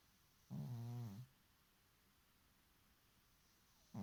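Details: Cat snoring during sleep: one low, rattling snore lasting under a second, then a quiet pause before the next one starts.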